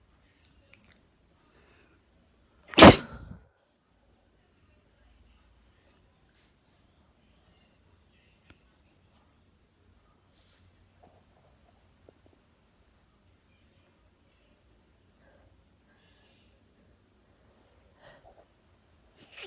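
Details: One sharp, explosive sneeze from a Brazilian woman, tagged as a wet sneeze and uncontrollable sneezing, then near silence in a quiet room; sneeze.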